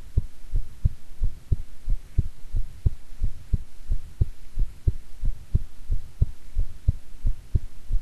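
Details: A person's own normal heartbeat: steady, regular thumps at about 90 a minute with a faint low hum, and stomach growling mid-recording from digesting a grilled fish set meal.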